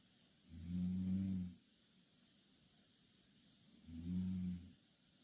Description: Two korean girl snoring in same bed.